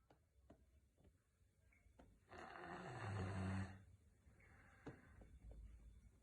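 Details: One loud, rumbling in-breath snore from a sleeping Rottweiler, with faint clicks and quiet room noise; snoring.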